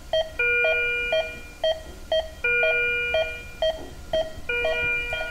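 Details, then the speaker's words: Neonatal resuscitation room monitor QRS tone letting staff follow newborn's heart rate by ear without watching scope: repeated short electronic beeps with longer overlapping tones. "donc là vous avez un ce qu'on appelle un QRS ça permet d'entendre la fréquence cardiaque du patient et de pouvoir se concentrer sur les gestes qu'on fait sans avoir regardé le scope"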